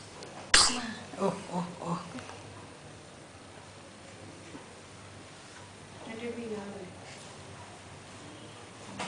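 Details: Infant sleeping and yawning gives a sharp sneeze burst, then soft breathing noises and a brief vocal sound against room hiss; an ordinary infant sneeze.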